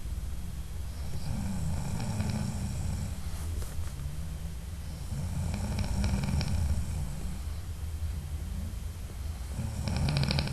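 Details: Adult man snoring while asleep at night, audio only: loud, continuous low rumbling snoring through each breath, with steady room noise behind it.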